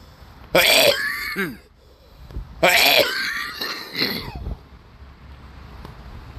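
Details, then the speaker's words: Two loud, harsh coughing bouts from an adult man, with a strained, wet, mucus-laden quality; he notes the mucus and his struggling can be heard; a productive cough. "and unfortunately even though I was coughing there you could hear the mucus but you could hear me struggling"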